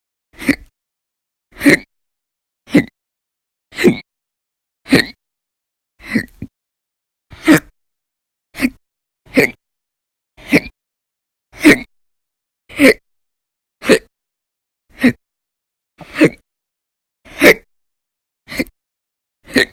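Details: Sharp, brief gulping hiccups about once a second, roughly 53 a minute, from a person with persistent, violent hiccup bouts lasting hours at a time over November 1–20, 2019.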